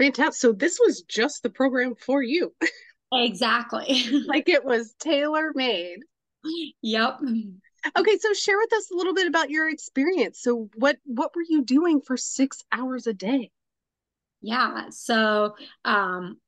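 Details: Adult women in conversation; normal fluent speech.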